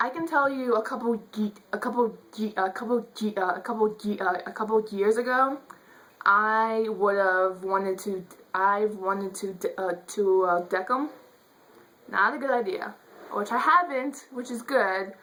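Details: Adult woman who says she stutters; stuttering.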